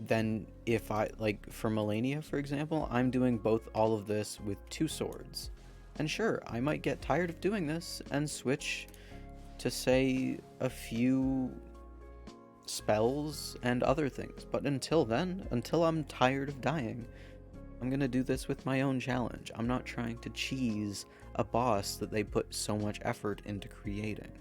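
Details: Male speaker who says his stutter can be heard in this recording and is part of him; stuttering.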